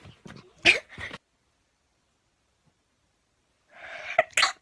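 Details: Short high-pitched sneezes from a young Japanese female with quick breathy intakes, separated by silence; ordinary sneezing.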